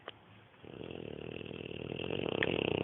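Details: Neapolitan Mastiff puppy just under 6 months old, dozing, snoring that the owner calls fairly mild for him: one long, rough, fluttering breath growing louder over about two seconds.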